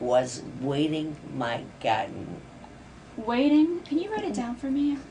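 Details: Apraxia of speech, with or without mixed dysarthria, in a woman at early presentation; no other motor features; autopsy years later showed 4-repeat tauopathy (progressive supranuclear palsy pathology).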